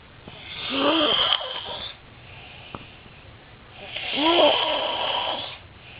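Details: Two loud, harsh, rattling breaths about three and a half seconds apart with quiet breaths between, in a small room: an adult man's habitual loud snoring during sleep.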